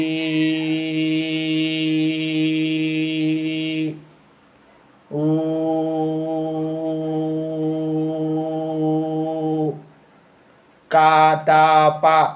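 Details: Adult male with a high-pitched voice since childhood, after voice therapy, producing vowels, 'om' and repeated 'ka-ta-pa' syllables; normal adult male voice pitch (resolved puberphonia).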